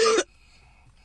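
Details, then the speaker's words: Baby boy on medicine, who the caregiver says coughs up a lot of phlegm as soon as he takes it: a single short, loud cough. "see I got a cough, too, Christian. But this, it's crazy. As soon as he take this, he coughs up a lot of fle."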